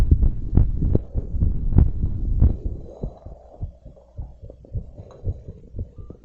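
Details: Loud low thumping heartbeat about 100 a minute with rubbing noise, quieter toward the end, recorded during stress from bouncing around and blowing up a giant balloon; raised rate.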